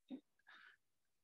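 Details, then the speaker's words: Big cat with COVID-19: an unusual, short, forceful cough burst followed by a harsh rasping outbreath. "it was just that really unusual cough and then with a few animals and they'd be wheezing after coughing about and"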